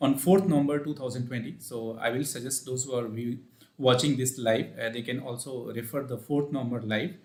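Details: Adult male with puberphonia (previously high-pitched, female-like voice, sometimes dual voice), speaking after voice therapy; pre-therapy recording 4 Nov 2020; voice now reported stable; puberphonia corrected after voice therapy.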